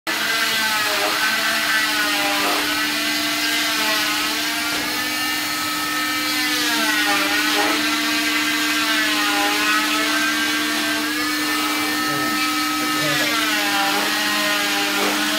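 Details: Steady high buzzing whine that dips in pitch and strains as the blade meets the cast; a cast saw removing a patient's 5th cast in 7 months, sensitive skin with reactions (contact dermatitis).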